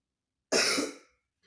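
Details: Single forceful, rough, rattly cough from a child doing a taught effective-cough technique: warm water first, deep breath in through the nose, then coughing to bring out phlegm.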